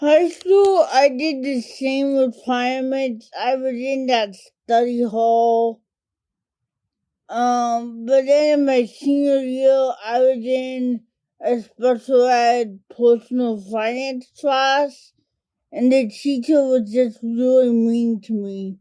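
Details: Adult woman diagnosed with cerebral palsy as a toddler, affecting mainly her speech and fine motor skills; dysarthria (cerebral palsy).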